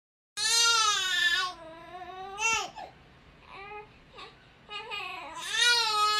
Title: Father makes gibberish sounds to stop crying baby